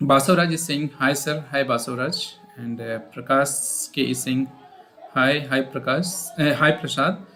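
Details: Adult male speaker; normal speech.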